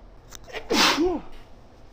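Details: A woman sneezing mostly into a handkerchief, possibly from allergies on a high-pollen day, after a nose tickle: a short breathy lead-in, then one sharp, somewhat muffled sneeze with a voiced tail.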